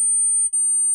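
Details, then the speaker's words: Simulated tinnitus: steady, piercing high-pitched tone of about 9,000 Hz, played to illustrate the constant, never-stopping ringing a person with tinnitus hears. "Dan untuk saudara bisa mendapatkan gambaran apa yang saya dengarkan setiap saat, saya ada contohnya, audionya itu sekitar 9.000 Hz dan bunyinya seperti ini."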